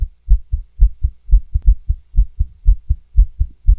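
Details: Female heartbeat heard through stethoscope: rapid lub-dub with slightly uneven spacing, fast rhythm with occasional skipped beats; audio only.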